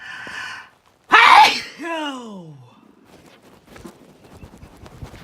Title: More hayfever sneezes